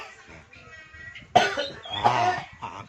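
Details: Productive cough during a traditional gurah mucus-clearing therapy, patient told to cough to expel smoking toxins: soft breathing, then sudden harsh cough, then wet throaty cough and clearing bringing up mucus.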